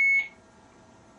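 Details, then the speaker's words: Alaris IV infusion pump alarm after starting the line, signalling an occluded line, as when a patient bends the elbow: single short high-pitched electronic beep, then quiet room noise. "so if a patient bends their elbow or something like that and you get a occluded science that's what it's"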